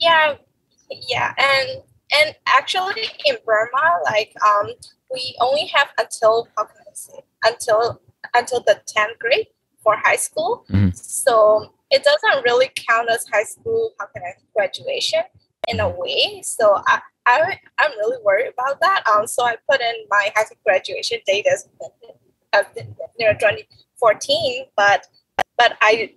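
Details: Stuttering present since childhood in a female medical school applicant.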